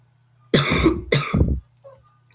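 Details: Adult bus driver recently sick with flu coughs twice, loud and harsh in quick succession, over low engine hum inside a bus early in the morning.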